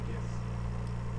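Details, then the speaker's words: Oxygen concentrator (93% purity, flow set at 3 litres, with timer up to eight hours) supplying an incubator via hose: steady low mechanical hum just after being switched on. "if you leave it set for eight hours you just turn it on and it runs for the eight hours it turns off"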